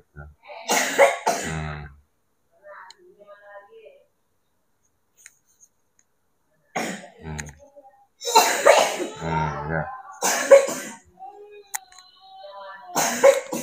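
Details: Child with a persistent cough and cold that won't clear up, recorded around traditional therapy said to bring relief: bursts of wet-sounding coughing with vocal sounds between, in a small room.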